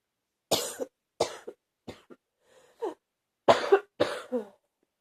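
Six separate, forceful coughs in a quiet room, each short and harsh, with a worsening cough.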